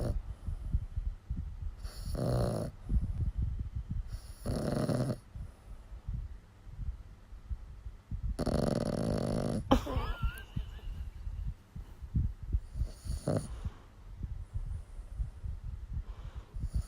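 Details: Sleeping dog with loud, rattling snores on the in-breaths at uneven intervals, one ending in a snort, and quiet breathing between; snoring.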